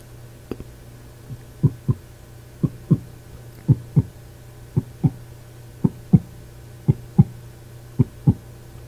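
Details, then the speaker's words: Simulated ASMR doctor roleplay: stethoscope on the chest while the patient takes small deep breaths; regular paired lub-dub at about 75 per minute over a low hum; normal heart sounds. "So, now I'm just going to come in here and just going to listen in on your heart as well as your breathing."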